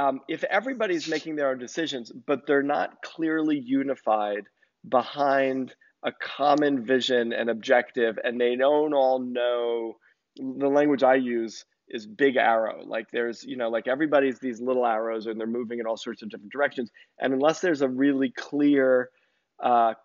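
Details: Adult male speaker; normal voice.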